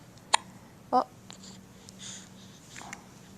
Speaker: so somebody has hiccups now wait what are you doing with them hiccups